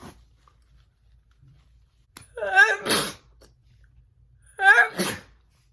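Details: A woman's deliberate messy sneezing for a requested personalized video: two sneezes, each a rising voiced intake then a sharp forceful burst, in a quiet room.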